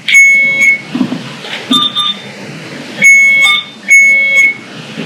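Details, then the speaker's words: Repeated high-pitched electronic pulsed beeps from an infusion pump during occlusion testing with a 4-channel IPA-3400 infusion pump analyzer, after pressure peaked around 11 psi and delivery stopped: infusion pump occlusion alarm. "you can see it got to its peak pressure and it never delivered anymore the pressure just kind of dropped out that's what we're looking for in the occlusion"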